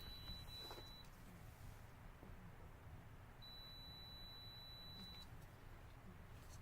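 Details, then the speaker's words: Home care: a medical device gives two steady high-pitched electronic beeps over low room rumble while a line is rinsed and flushed with a syringe. "we're almost done it's going to beep for just a second"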